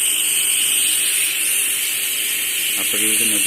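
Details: Steady loud hiss of an Oxymed mini oxygen concentrator running with its nebulizer attached, flow set to 1.0; brief voice near the end; oxygen concentrator running.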